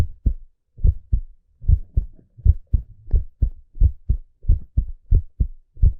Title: Relaxing Heartbeat Sound